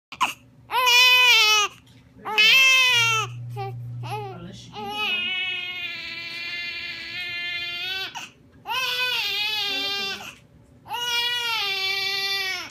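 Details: Infant crying: loud, high-pitched wails in repeated bursts with short gasping pauses between them.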